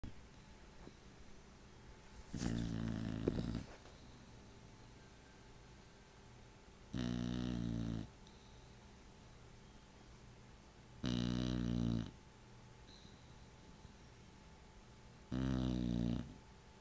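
Low, buzzing snores about 14 a minute, evenly spaced, with quiet room hiss between them. Snoring.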